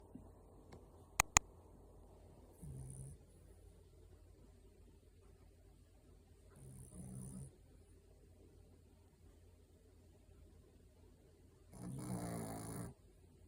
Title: Dogs Snore Too?! #cutedog #sleepingdogs #snoring #japan